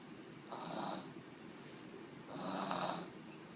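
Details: Two soft rasping snores, each about half a second, in a quiet room; snoring likened to an old man's.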